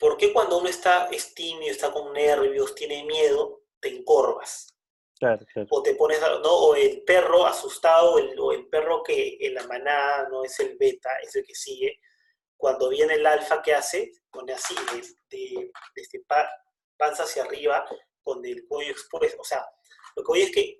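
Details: Stuttering in Spanish conversation between two adult men who both stutter.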